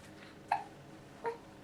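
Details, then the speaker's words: Infant girl with hiccups, unhappy: two abrupt, brief voiced catches about three-quarters of a second apart over quiet room noise. "let's have let's film having hiccups not very happy happy having hiccups"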